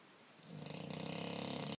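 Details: British bulldog snoring: a short, rough, fluttering snore, a single noisy breath with a rattling buzz.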